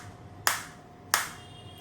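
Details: Sharp, regular clicks about every two-thirds of a second over a faint steady hum: a Biotronix SW7 focused (not radial) shockwave therapy device firing shots in R7 mode at intensity 3.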